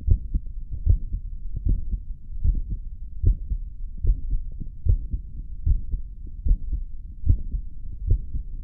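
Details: Heartbeat after caffeine intake: steady low thumping beats about 75 a minute.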